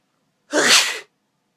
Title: I can sneeze with my eyes open!